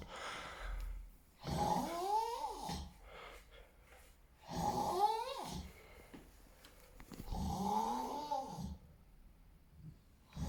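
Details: Heavy snoring: loud, rattling snores on each breath in, about three in ten seconds, with quiet pauses between.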